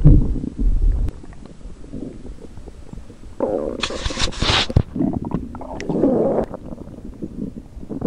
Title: Stomach rumbles compilation